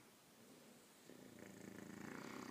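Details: A female bulldog snoring while asleep: a soft, rapid, fluttering rattle that grows louder with each breath; snoring.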